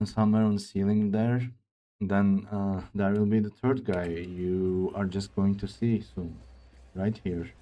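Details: Man who reports his own speech disorder, type not named, and says it is much worse than a game character's; real speech; speech disorder.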